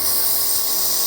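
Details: Steady hissing, rasping noise of a running electric air compressor driving nebulizer mist, for inhaled treatment.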